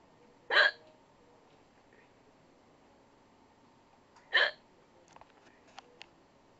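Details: Hiccups after eating a chocolate chip cookie too fast, described as stronger and less dog-like than before: two abrupt, sharp hiccups about four seconds apart, then faint clicks, in a quiet room.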